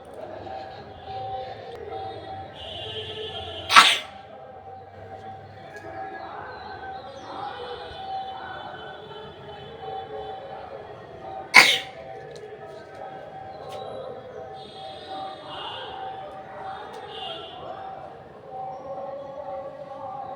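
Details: Woman's acted sneezes recorded outdoors on a rooftop for a sneezing challenge: two short, sharp sneeze bursts about eight seconds apart over outdoor background noise.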